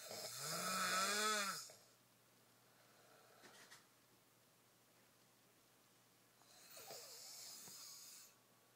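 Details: Man snoring: a loud, rough snore with a rising and falling tone, then a long quiet pause and a second fainter, noisy breath.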